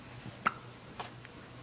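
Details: Two short, sharp, abrupt vocal catches about half a second apart from a 7-week-old baby girl on a couch in a quiet room: infant hiccups.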